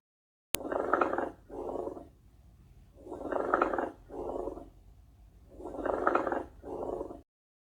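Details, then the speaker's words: Educational example of a pleural friction rub: coarse creaking, grating sounds in both breath phases, louder on inspiration, from inflamed pleural layers rubbing together; typically heard over the lower axillary regions and typical of pleuritis. "Esse som acontece quando duas camadas da pleure estão inflamadas e roçando uma na outra. Ele é mais comum na inspiração, costuma ser ouvido nas regiões axilares inferiores e é típico da pleurite."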